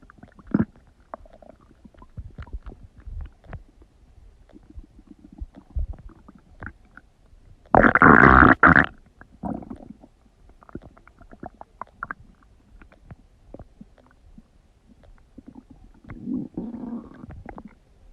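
Loud gurgling and rumbling stomach noises with one long, strong growl; ordinary bowel sounds of digestion.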